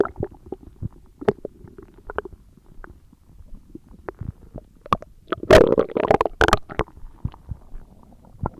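Irregular gurgles, pops and rumbles with a louder growling burst midway, typical of ordinary stomach growling from gas and fluid moving.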